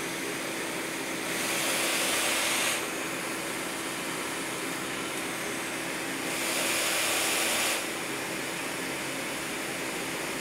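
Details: Surplus Quantum PSV 7700 mechanical ventilator being tested, outlet partly taped to simulate an attached patient: steady machine hum with two longer hissing air pushes about five seconds apart.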